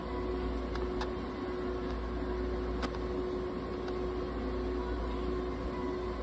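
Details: Budgerigar under veterinary treatment in an ICU incubator, with warmed, humidified oxygen therapy running.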